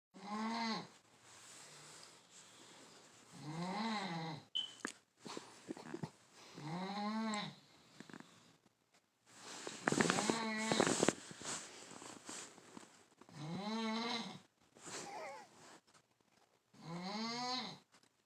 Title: Carebear Snoring!